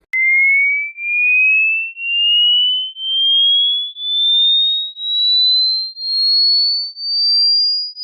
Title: NOW CHECK HOW OLD ARE YOUR EARS || HEARING TEST👂